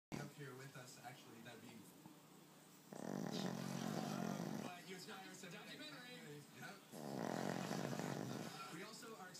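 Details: Sleeping pug snoring: loud rattling snores on each in-breath with quieter snuffly breathing between, noisy breathing of a short-nosed dog.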